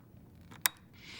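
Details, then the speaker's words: Trilogy 100 portable ventilator: single sharp click as the oxygen valve quick-connect is pressed firmly into the oxygen inlet on the back of the device, tab at the top of the port popping up to show it is locked. "you should hear a click and see the tab at the top of the port pop up"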